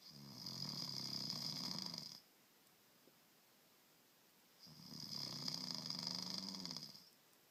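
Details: Adult husband asleep: two long, harsh, rattling snores on inhalation separated by a quiet pause of about two and a half seconds; ordinary loud snoring.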